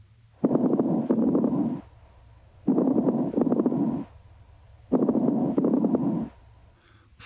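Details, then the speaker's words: Three breaths with soft, high-pitched, very brief popping sounds scattered through each, in a nursing lung-auscultation teaching demonstration: fine crackles, often accompanying congestive heart failure. "crackles are soft high-pitched and very brief and often accompany congestive heart failure"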